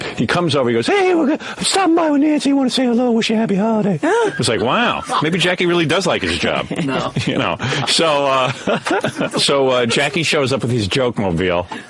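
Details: Adult male speaker, radio broadcast; typical speech.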